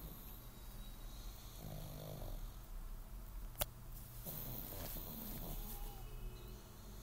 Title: Pug Sleeping & Snoring